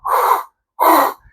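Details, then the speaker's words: Normal laryngotracheal breath sound, stethoscope at the suprasternal notch: two harsh, loud, coarse airy breaths separated by a pause, from fast airflow through the trachea. "El laringotraquial normalmente lo escultamos en la zona de la horquilla external. Ya en esa zona voy a poner el fonendo y voy a sentir un sonido áspero y grueso."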